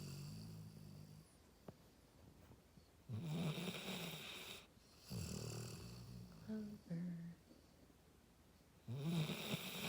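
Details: Dog snoring very loudly: rough snorting snores in irregular bursts with quieter pauses between them; snoring.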